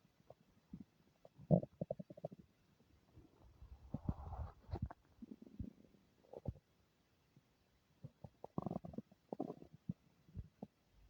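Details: Stomach noises the person calls unfamiliar: irregular low gurgles and rumbling bursts from the belly, ordinary borborygmi from gas and fluid moving through the gut.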